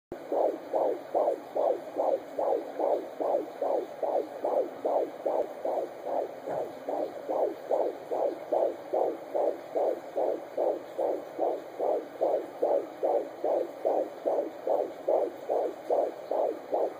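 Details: Fetal heartbeat of a male fetus at 15 weeks of pregnancy, recorded with an at-home Doppler: fast, regular whooshing pulses at about 140 beats per minute, a normal rate.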